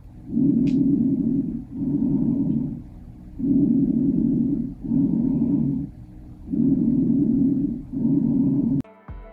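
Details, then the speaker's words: Normal bronchial breath sounds auscultated over the trachea: loud, hollow, tubular, lower-pitched breaths with a distinct pause between inspiration and expiration, ratio 1:3. "bronchial breath sounds are hollow tubular sounds that are lower pitched they can be auscultated over the trachea where they are considered normal there is a distinct pause in the sound between inspiration and expiration with a ratio of one to three"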